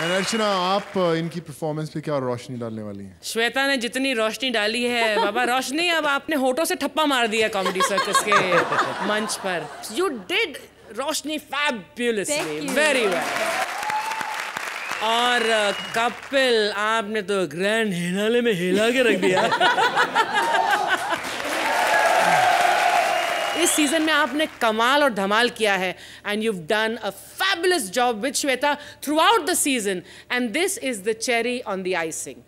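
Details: Adult woman speaking Hindi and English; ordinary speech.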